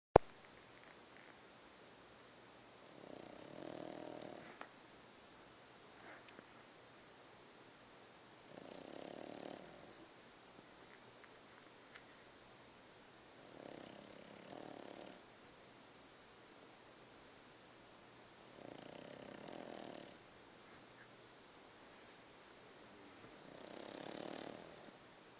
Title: Zues snoring take 2